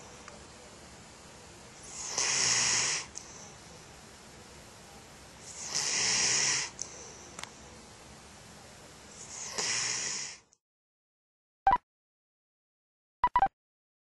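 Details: Sleeping dog snoring at 3 a.m.: three slow, loud, rasping snores about 4 seconds apart, then a few brief clicks; ordinary snoring.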